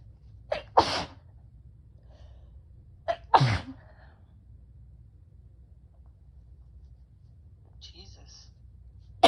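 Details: Sneezing in a person with bronchitis: two sneezes in a quiet room, each with a sharp in-breath before the explosive burst.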